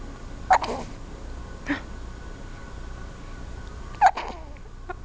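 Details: Big hiccups: three sudden, sharp bursts over a few seconds against a steady background hum.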